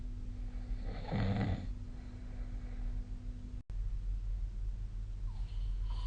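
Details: A single low, rattling snore on an in-breath during sleep, followed by quiet breathing over a steady room hum.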